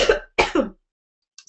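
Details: Throat clearing by a woman during a live beauty broadcast, who confirms she is sick.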